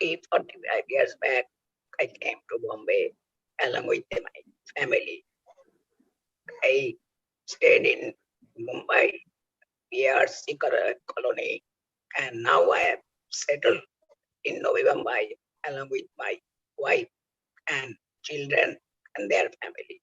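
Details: Real adult male whose larynx was removed for cancer (total laryngectomy), now speaking with oesophageal speech learned by the injection method of swallowing or injecting air into the oesophagus; finding: oesophageal speech after total laryngectomy.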